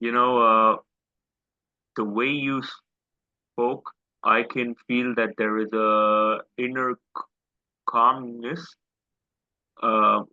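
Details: Adult man with a self-described quite severe stammer since school days, speaking in an interview; stuttering.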